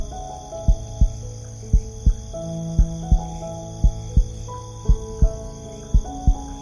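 Steady paired lub-dub thumps at about 57 beats a minute under soft piano music. Regular heartbeat.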